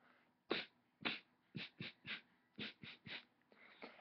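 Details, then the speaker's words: A cat sneezing: a rapid run of about nine short, sharp sneezes within four seconds. "I'm going to teach you how to sneeze like a cat you know it's not that hard you just inhale and exhale now let's all do it together"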